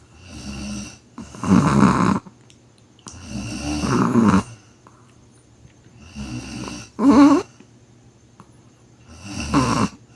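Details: Dog, tagged chihuahua, in deep sleep: rattling snores on each breath in with quieter breaths out, about twelve breaths a minute, quiet room; snoring.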